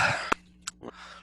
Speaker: You guys can hear that neck crack, but it was absolutely spectacular.